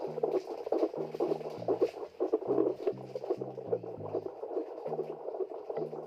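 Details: Fetal heartbeat heard with a wireless home fetal Doppler linked to a mobile app: rapid, regular whooshing pulses with soft music underneath.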